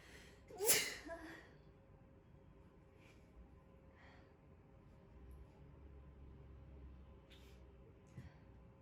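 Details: A sneeze during an ASMR nose-cleaning session: one sharp, forceful burst, then quiet room noise with a few faint rustles.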